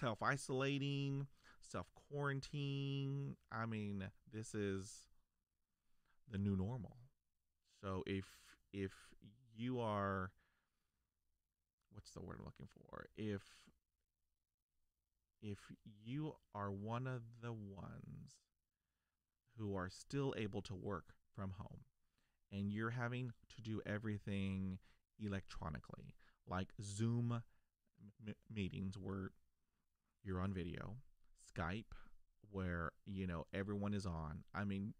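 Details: Adult man stuttering since age five, onset after a dog attack, persisting despite years of speech therapy; blocks discussed; stuttering.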